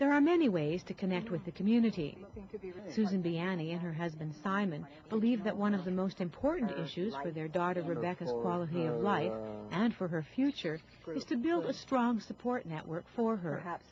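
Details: Adult female narrator; normal speech.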